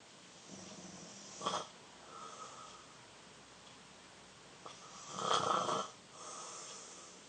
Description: My younger brother snores loud!! Saturday 21 December 2019!